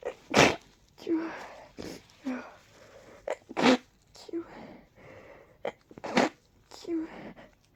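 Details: A run of about five forceful sneezes in quick succession, each with a short vocal tail; a sneezing fit from allergies and a cold, after a deep tickle and a stuck sneeze.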